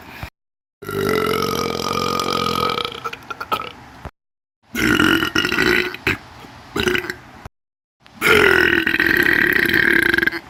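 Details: Three long, loud, voiced belches, each lasting a few seconds, separated by brief silences; ordinary burping.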